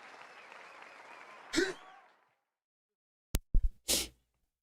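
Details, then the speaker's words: Adult sneeze, announced beforehand: after quiet background noise, a few short sharp bursts end in a forceful, partly muffled expulsive burst. "What an absolute mess. Can y'all imagine? And Cash Out, he's just sitting there like, yeah, what's going on? What we doing? Insane. I got to sneeze"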